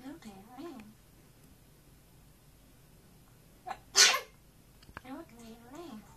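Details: A single sharp, high sneeze from a camera-shy African grey parrot after trying to sing, with whistled and chattered bird sounds before and after.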